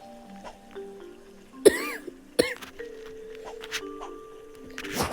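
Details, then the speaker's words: Cough from a boy with a mild cough: two short, sharp cough bursts over background music and video game sounds. "It's the here, and today I'm still up here on the just with a little cough."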